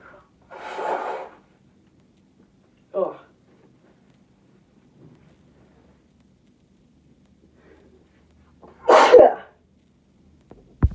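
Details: Two full, loud sneezes from a woman with a short burst between, in a quiet room; induced with a Q-tip in the nose.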